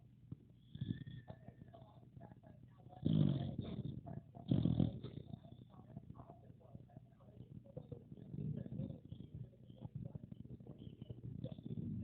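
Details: Soft, rattling snores from a sleeping pocket bully dog over quiet room noise; ordinary dog snoring.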